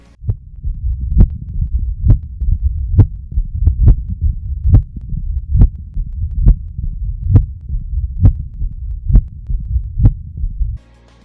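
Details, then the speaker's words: Mitral stenosis at about 67 beats a minute: loud S1, an opening snap (early diastolic high-pitched sound), and a faint low rumbling mid-to-late diastolic murmur, best heard during expiration. "mitral stenosis leads to the S1 being louder than normal there was also an opening snap an early diastolic high-pitched sound in addition there is a faint mid to late diastolic murmur which is best heard during expiration"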